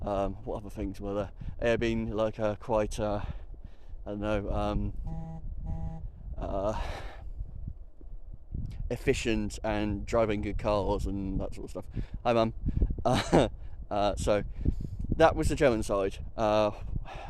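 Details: Vocal tic (Tourette syndrome) in an adult at a Tourette's camp; the interjection "hi mum" appears to be a vocal tic.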